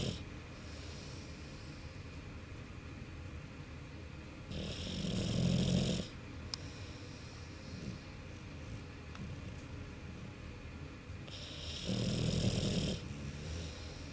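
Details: American Bulldog snoring in sleep: deep, rumbling snores with a hissing edge, about seven seconds apart, with quiet breathing between.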